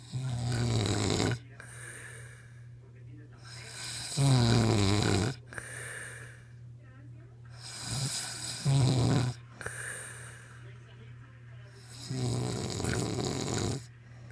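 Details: Heavy snoring: loud, deep, rumbling snores on each breath, about 15 a minute, with noisy airflow in between.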